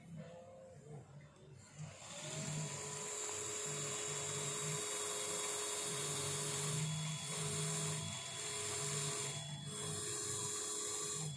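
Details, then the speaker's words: Dental implant osteotomy drilling on a bone model with initial and tapered drills, minimal-drilling technique for a self-expanding implant: high steady drill whine in short bursts with faint room hum. "Friends, these are the two drills. Come closer. These are the two drills I have used. This is initial drill. This is a tapered drill actually."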